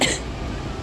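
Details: A single short, harsh cough burst with room noise from an adult on about day 11 of an illness they attribute to hMPV virus, with body aches, runny nose, fever, stomach pain and weight loss.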